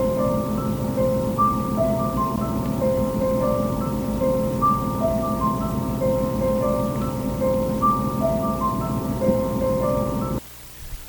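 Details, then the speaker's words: Soft repeating melodic chime from a CEREC dental intraoral scanner acquiring the image of a tooth prepared for a crown; the tune plays while it captures good information, then stops. "so that is me using the CEREC machine to acquire the image of your tooth after I've prepared it for a crown that machine used to make a like a clicking sound"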